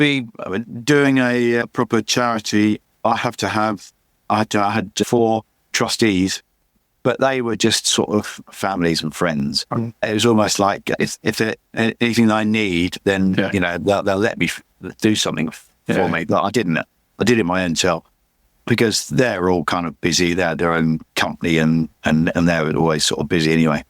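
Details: Adult man with chronic aphasia after a massive stroke about 11 years earlier; he still cannot read or write and says his speech is not great; aphasia.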